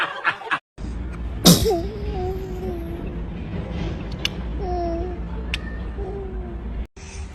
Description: Ranking cutest baby Sneeze #ranking #shorts #youtubeshorts #cute #baby